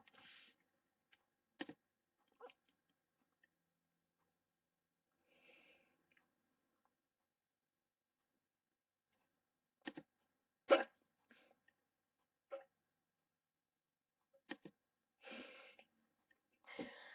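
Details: Person with hiccups while livestreaming, which they later report went away: faint, brief, abrupt catches at irregular intervals in a quiet room, about eight in seventeen seconds; hiccups.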